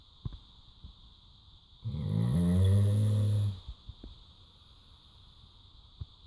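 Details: Labrador having a loud afternoon nap: one long, loud, rumbling snore with quiet breathing before and after and a steady background hum; snoring.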